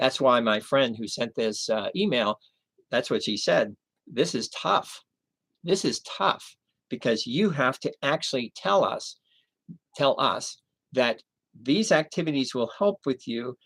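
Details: Male with chronic aphasia after a stroke 11 years earlier, having had 15 hours of formal speech therapy.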